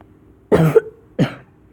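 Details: Two short, harsh coughs in a quiet room, the second slightly weaker, from the person recording a game video, who apologizes for coughing.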